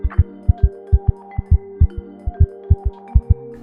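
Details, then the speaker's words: Cardiac auscultation teaching demonstration: rapid, regular paired heart sounds at about 135 beats a minute, a fast heart; tachycardia. "Si se escucha un corazón normal. Así se escucha una taquicardia o un corazón rápido."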